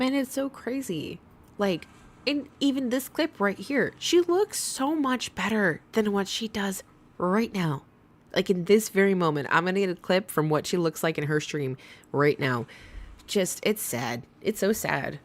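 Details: Adult speaker; ordinary speech.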